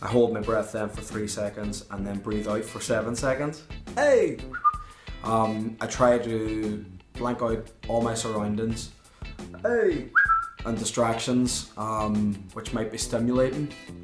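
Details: Adult man with Tourette syndrome who has learned to suppress complex tics but still has minor simple tics; vocal tic "hey" audible in speech; vocal tics (Tourette syndrome).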